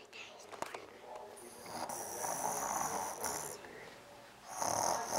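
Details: Simulated snoring: a young child deliberately imitates how his father snores, making rough, rattling snore sounds with faint room noise.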